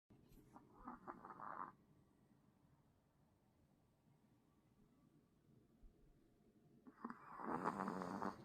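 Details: Sleeping Pomeranian puppy: two short bursts of soft, rattling snore-like breathing separated by a quiet pause; ordinary snoring.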